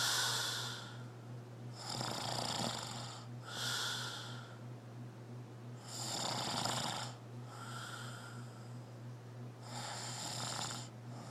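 Rough, hissy snoring with repeated breath cycles over a steady low hum of room noise; ordinary snoring.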